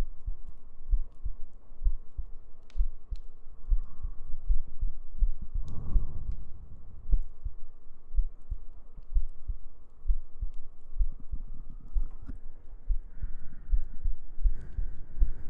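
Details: Normal heartbeat in a sleep-aid ASMR recording: steady soft low thumps, roughly 65 beats a minute, under faint humming and gentle breathing.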